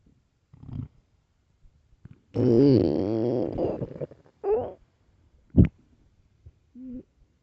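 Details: Loud stomach growling from hunger: gurgling, rumbling and squeaky gut noises in bursts, one long growl among them; a normal sound.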